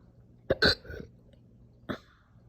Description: Some slow but super aggressive hiccup burps after breakfast this morning. These hurt so bad.